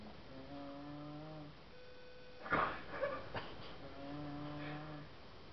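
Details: Sleeping berger dog snoring while someone farts on it: two drawn-out, slightly whistling snores with a brief noisy burst between them.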